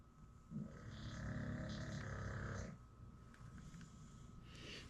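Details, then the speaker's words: Pet dog snoring in sleep behind the owner: one low, rumbling snore about two seconds long over room noise, then quieter breathing. "He's always behind me snoring. It's so funny. Y'all can hear him."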